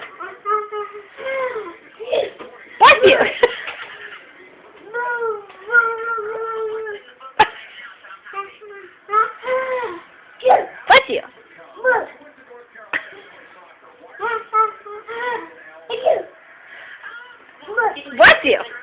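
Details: Infant with repeated short whimpering cries and fussing, plus a few sharp sneeze-like bursts described as fake sneezing; ordinary infant fussing.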